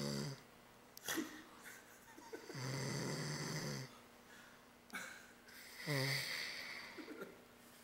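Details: Late-night snoring during sleep: low rattling breaths in irregular cycles, about 18 a minute, over steady room hum.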